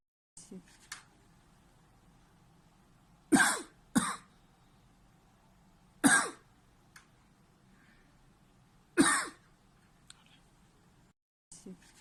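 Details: 40-year-old man with 2 months of paroxysmal cough from a schwannoma involving the right vagus nerve: four harsh coughs in a quiet room, some in a quick pair; sudden bouts of paroxysmal coughing.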